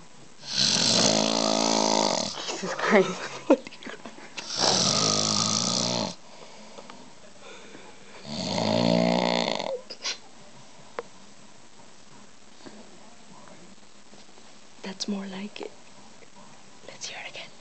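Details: Father snoring while asleep: three loud, rattling, buzzy snores on the in-breath, with quiet gaps and small snuffles between them in a quiet room.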